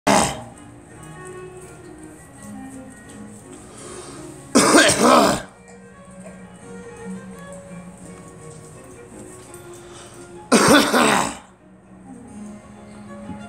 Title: Me coughing